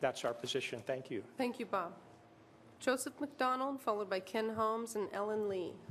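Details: Adult speakers at a public meeting; normal speech.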